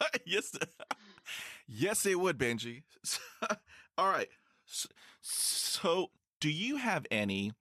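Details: Male high school senior who began stuttering severely at age 10, with six years of speech therapy; stuttering.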